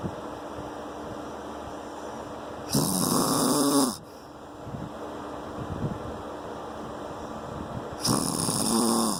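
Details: Two loud, rough, rattling breaths about five seconds apart over room noise, from a sleeping adult man (husband); snoring.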